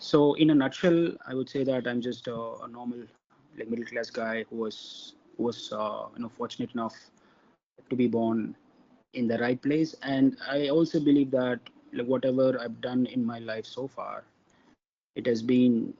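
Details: Stuttering in an adult man from India who describes himself as a person who stammers.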